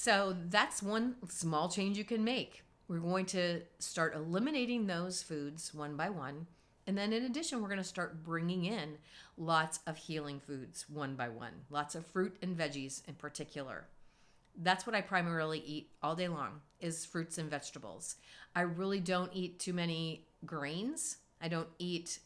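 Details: Adult woman; normal speaking voice.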